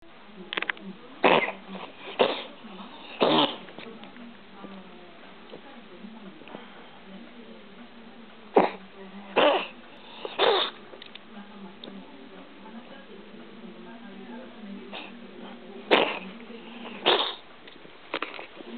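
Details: Cat coughing and vomiting: repeated short, harsh coughing or hacking bursts in clusters, with quiet pauses between; coughing and retching.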